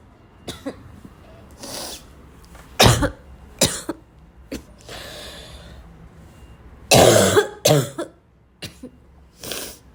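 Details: Repeated harsh, hard barking cough bursts with strained throat clearing and gasping breaths between them; the person describes choking on the cough.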